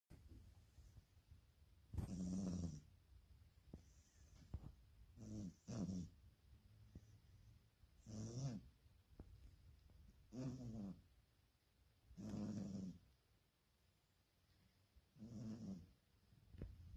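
Soft, regular rumbling snores with each breath, about 16 breaths a minute, in a sleeping cat; ordinary and harmless.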